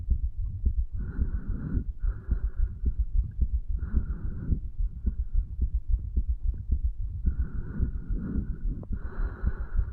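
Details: A 35-year-old male records his own heartbeat at the tricuspid valve area, placed lower than usual to hear more of the heart muscle, under the effects of medical marijuana and nicotine: heart sounds.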